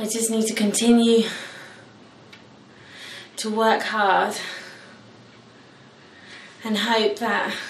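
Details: Male adult who stammers, speaking in his usual way the night before starting a four-day McGuire Programme stammering course, before any training; stuttering.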